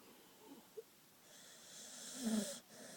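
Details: Sleeping, relaxed puppy: soft, wheezy, whistling breaths with a brief snort; light snoring.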